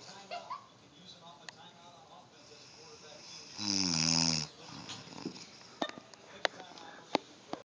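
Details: A grandmother snoring: one loud, rattling, voiced snore on the breath, with faint clicks and room noise around it.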